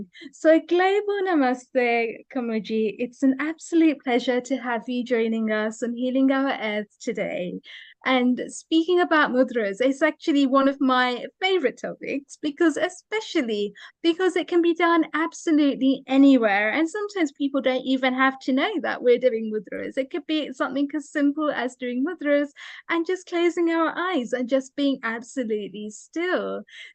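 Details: Adult woman speaking; Normal speech.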